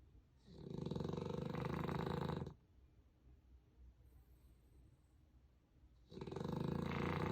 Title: Puppy snoring with a stuffy nose. #puppy #cute